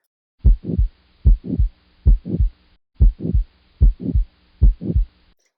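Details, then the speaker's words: Aortic stenosis: regular heartbeat about 74/min with a harsh mid-systolic crescendo-decrescendo murmur, heard best at the right upper sternal border with the stethoscope bell. "be described as a crescendo decrescendo pattern that peaks in the mid systolic cardiac phase and this is heard best on the right upper sternal border using the bell of the stethoscope"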